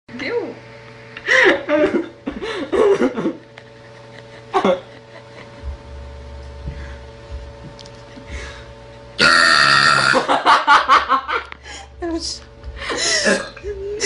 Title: World Burping Queen after drinking coca cola